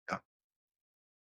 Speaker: >> That would be the sound of a snoring dog.